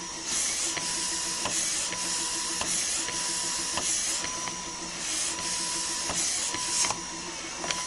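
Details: A running breast pump, recorded as a sound effect: a rhythmic mechanical hiss and whir with a short tone about every 1.1 seconds, the regular suction cycle.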